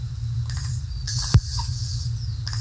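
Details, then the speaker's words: Low-pitched, rumbling nasal noise during an infant's breathing, arising from the nose or nasopharynx; pediatric ENT teaching example: stertor. "es el estertor nasal que se origina la nariz o nasofaringe de tono abajo el paciente es cuando la madre requiere que respira como marranito"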